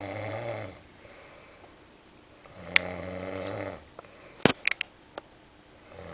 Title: Epic Snoring